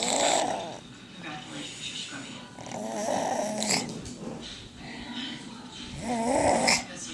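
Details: Son snoring during sleep: rough, fluttering snores with each breath, about 20 a minute, over faint room noise; ordinary snoring.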